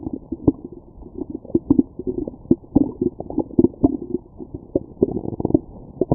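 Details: Stomach growling recorded with a Stemoscope after a McDonald's meal: frequent low gurgles and rumbling bubbles from the belly; active normal bowel sounds of digestion.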